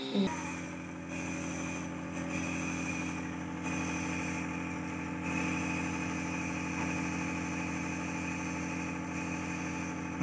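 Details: Home nebulizer compressor running while treating a baby boy just home from hospital: steady mechanical hum throughout.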